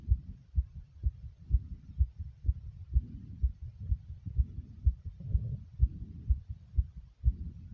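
Strong, regular thumping heartbeat near 125 a minute, with soft breathing sounds swelling in and out.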